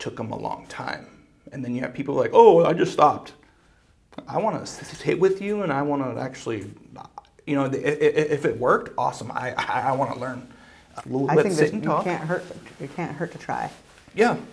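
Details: Adult man who reports blocks and getting stuck, using breathing and other fluency strategies to stay fluent; stuttering.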